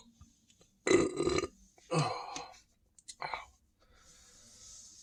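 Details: Person standing and drinking more Sprite, stomach feeling very full and tight: three loud, voiced burps in quick succession.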